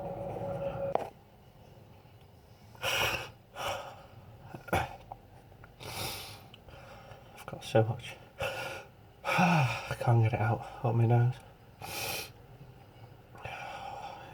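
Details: Several short forceful nasal bursts with gasping inhalations between them: a sneezing fit deliberately set off by sniffing strong-smelling flowers/pollen to provoke an allergy attack.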